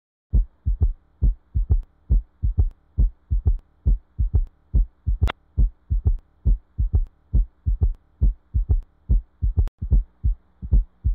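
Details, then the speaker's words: Gallop rhythm (S3/S4): low heart sounds in groups of three per beat at about 68 a minute, like a galloping horse. "auscultating the heart in these conditions more than two sounds will be heard during each cardiac cycle and these sounds follow each other in a rhythm similar to that produced by a galloping horse so it is referred to as a gallop rhythm"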